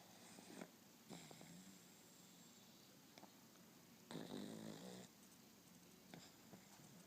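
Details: Snoring from a sleeping pet being petted while trying to sleep: soft snoring breaths with one longer, louder snore over a quiet room hiss.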